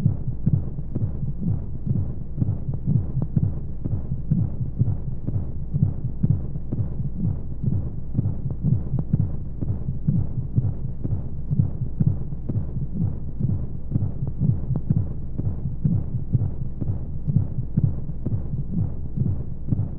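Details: Womb-sound sleep aid for babies: steady muffled thumping at about 125 a minute under continuous whooshing white noise; heartbeat as heard inside the womb.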